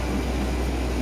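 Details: Suction machine running during a nursing demonstration of oral airway secretion suctioning with a suction catheter, heard as a continuous low motor hum with a faint airy rush.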